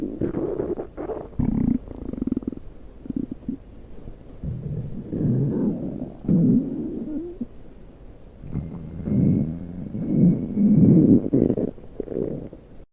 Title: Stomach Growl 3